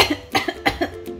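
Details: A quick run of three or four short, dry coughs from an adult mother with suspected mild COVID-19, who reports a sensation of phlegm, some hoarseness and about five coughing bouts a day.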